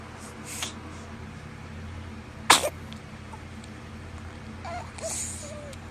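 One brief, sharp infant sneeze over room noise, with soft voices nearby.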